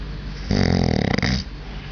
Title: Alarm Snore